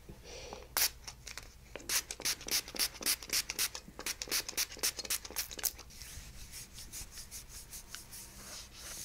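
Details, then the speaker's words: Chiropractor scraping a woman's tense chest with an instrument after a cold spray: rapid rhythmic strokes, about three to four a second, fading to softer rubbing. This is instrument-assisted soft tissue scraping. "cold this is a scraping tool it's going to get hot okay"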